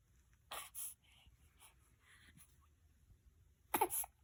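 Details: Young child (son) sneezing: two small, sharp sneezes separated by quiet breathing.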